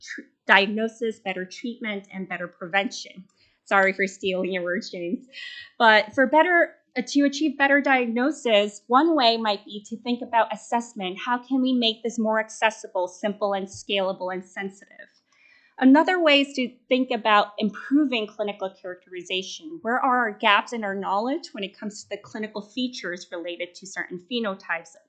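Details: Adult woman speaking; normal speech.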